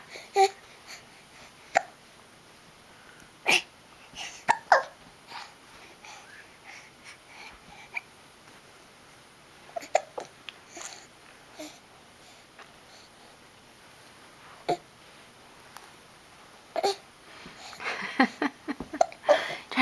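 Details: Hiccups in an infant boy while rolling and trying to flip over: brief, sharp, repeated catch sounds at irregular intervals among soft vocal noises; ordinary infant hiccups.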